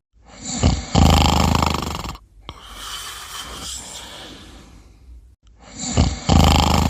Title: Sleeping & Snoring in 42 seconds